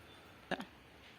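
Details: Simulated nursing demonstration of effective cough technique with a male patient: a brief double burst of forceful expiration, an acted effective cough to move secretions from the lower airways.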